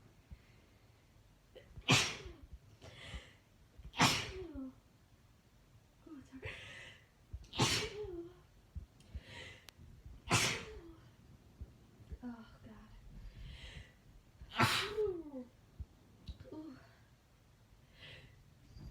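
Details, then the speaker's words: Woman's sneezing fit induced by Chhinkni sneezing powder: repeated forceful sneezes, about six in under twenty seconds, with gasping breaths and soft exclamations between them. She describes the sneezes as hard to stop once started. "See, the thing with Chhinkni is once you get started, it's hard to stop. So as I like hold back, it makes it easier to not sneeze, but if I sneeze, ooh."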